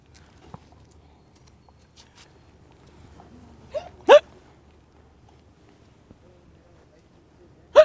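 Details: Person with a bad case of hiccups: brief, abrupt hiccup sounds spaced several seconds apart in a quiet room. Hiccups.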